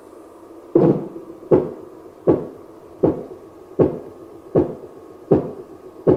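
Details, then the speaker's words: Korotkoff sounds: regular soft thumping taps at about 79 per minute, simulated during cuff deflation from above 200 on the hinged arm of an auscultation training manikin, played via external speaker. "slowly allow the air to release and listen for the five kurodakov sounds"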